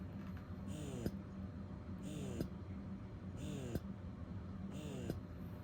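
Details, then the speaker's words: Momcozy wearable, wireless, tubeless portable breast pump running while worn; soft rhythmic whirring pulses about 45 cycles a minute under steady low background noise, quiet operation. "i can get up and go if i want to and look it's quiet"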